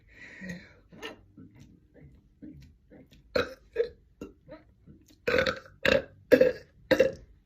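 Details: Voluntary swallowed-air belching, attempted continuously for about a minute: a rapid series of about a dozen air burps growing louder toward the end.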